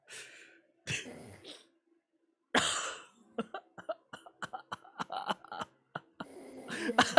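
Two or three harsh cough bursts with throat clearing, then a run of short clicks and breathy sounds in a quiet room.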